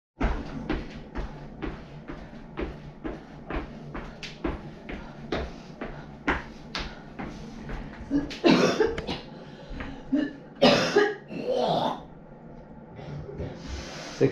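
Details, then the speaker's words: Patient with cystic fibrosis at a three-monthly clinic visit, just after PFT (score 77%), coughing into a sputum cup to bring up thick mucus: steady clicking, then about three forceful wet productive coughs. "This is my sputum cup. This is where I try to bring up all the gunk and thicken mucus from my lungs, and I put it in the cup."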